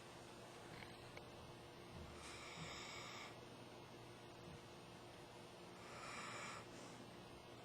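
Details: Soft, hissing, slightly whistly breaths about every four seconds over steady background hiss: quiet snoring from a sleeping, dreaming pit bull mix (pigbull) dog.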